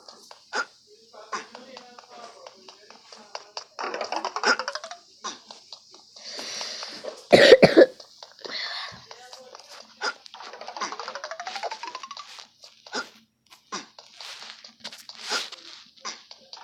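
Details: Sick child playing Temple Run: several short, dry coughs and throat clearing amid the child's talk and game sounds.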